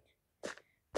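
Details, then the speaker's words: A single brief, sharp sneeze; the person is teased for sneezing constantly, like a little baby. "Oh là là, tu fais que d'éternuer, hein? On dirait un vrai petit bébé."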